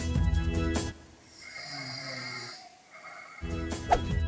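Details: Adult's snoring recorded overnight while testing anti-snoring devices: loud, rough, rattling snores that come and go, with quieter breathing between and background music.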